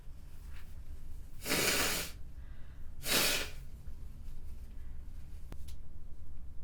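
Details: Sample recording of a model's snotty, wet-sounding sneezing.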